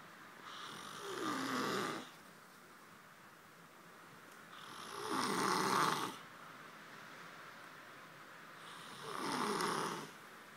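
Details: Man asleep on a beanbag: three long, rattling snores on breathing in, about 15 a minute, with quiet breathing between; snoring.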